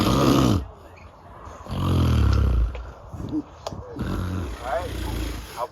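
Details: Adult snoring, the recorder's father, in the background: loud low rattling breaths in irregular bursts with quieter gaps and a child's voice nearby; snoring.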